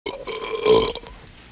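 One long, loud burp lasting about a second, then quiet.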